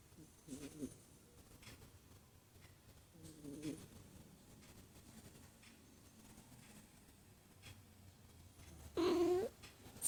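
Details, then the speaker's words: Sleeping cat snoring, with soft raspy breathing bursts about every three seconds ending in a louder snort; snoring. "Tá roncando, dengo. Está roncando, mãe."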